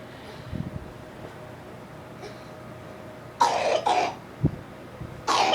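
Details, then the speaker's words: Cat coughing after climbing onto a couch: three harsh, forceful coughing bursts with a brief thump between, in a quiet room. "Goodness. Cough it out. Whew, that was hard work."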